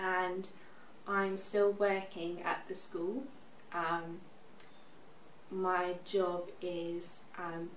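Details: Expressive aphasia in a 24-year-old woman, six years after a stroke at age 18.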